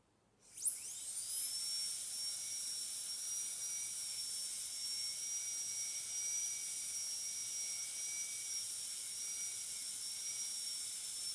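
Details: High-speed dental drill with a TF12EF yellow-band flat tapered polishing bur smoothing the finished metal-ceramic crown preparation on tooth 46; steady high-pitched whine that spins up and runs continuously.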